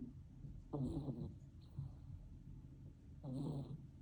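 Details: Sleeping kittens: soft, rough breathing sounds with two louder snoring breaths; snoring.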